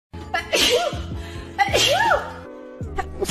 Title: reaction of sneeze #shortvideo #trending #shorts